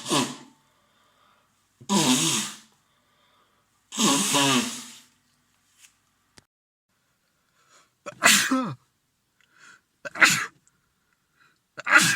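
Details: Adult male with a lingering cold, blocked yet runny nose and sore throat, having sneezing fits all day: six forceful, voiced sneezes in quick succession. A sneezing fit from a cold.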